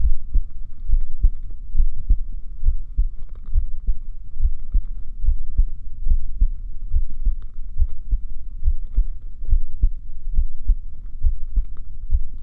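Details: Steady, low heartbeat thumps at about 70 beats a minute over a faint hum; a normal resting heartbeat.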